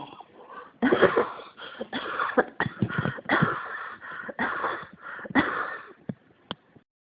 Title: 咳が止まらないです。 cough 19